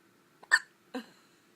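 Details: Little boy with hiccups: two abrupt, short voiced 'hic' sounds about half a second apart in a quiet room.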